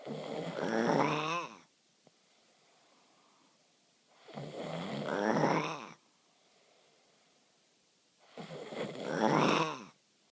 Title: Creepy Snore